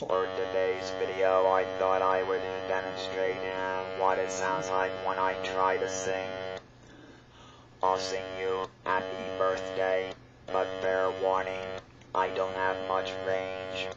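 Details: Adult speaker using an electrolarynx; electrolarynx speech.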